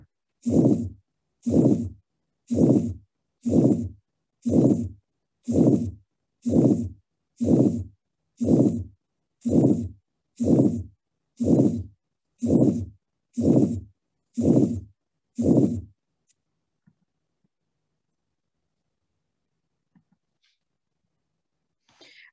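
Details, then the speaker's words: Teaching recording: harsh systolic murmur with a present but very soft S2; aortic stenosis murmur. "so what we were here here list hearing was it was a harsh systolic murmur right"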